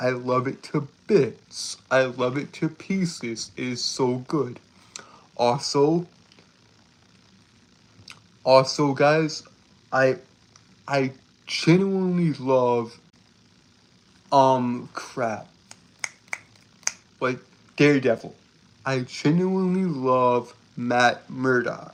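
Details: Male streamer who reports a speech impediment that makes him stutter and trip over his words; repeated phrases are audible; stuttering.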